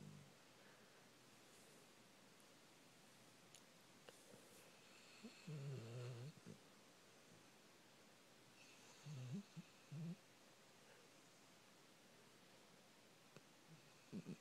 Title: Dog Snoring